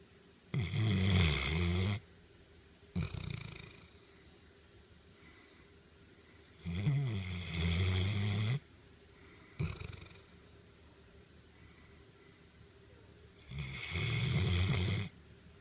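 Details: Old dog snoring while asleep: deep, fluttering, rattling snores on each breath in, with softer breaths out between, about nine breaths a minute.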